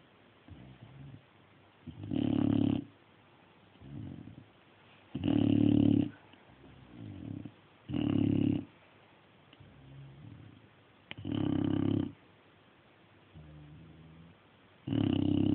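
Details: Dog snoring; regular loud, rasping snores about one every three seconds, with softer sounds on the out-breath.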